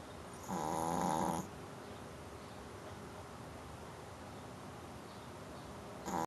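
One buzzing snore, a long quiet pause, then the next snore starting: a pet snoring in its sleep.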